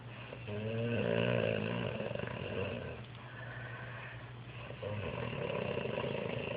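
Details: Sleeping adult man snoring: loud, rough, rattling snores with long breaths drawn in through the nose and mouth.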